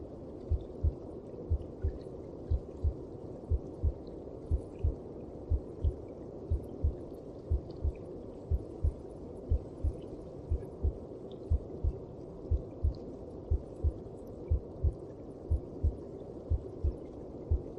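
Steady, regular low thumps in paired beats, about 60 a minute, under a muffled whooshing hum, like a heartbeat heard from inside the womb.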